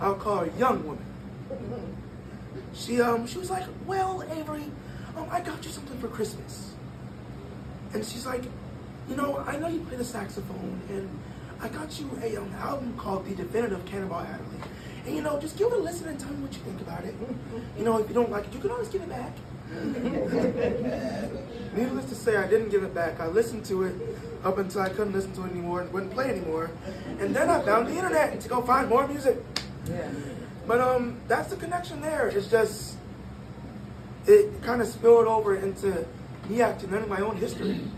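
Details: 22-year-old man born prematurely at about one pound, vocal folds developing after birth and still not closing fully; breathy voice from incomplete vocal fold closure.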